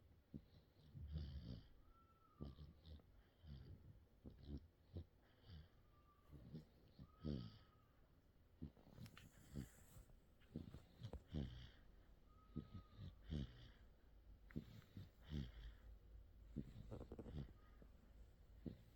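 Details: 55-day-old baby snoring in sleep: soft, irregular snorting breaths with occasional squeaky notes, about 30 a minute.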